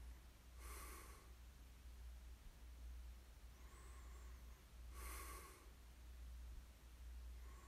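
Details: Light snoring in ASMR sleep recording: soft, noisy breathing sounds recurring about every four seconds, with a faint snort on some breaths.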